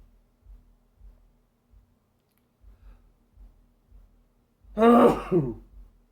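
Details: Sneeze from a person whose allergies have been bad this year; quiet breathing, then one loud voiced sneeze burst with a short trailing exhale.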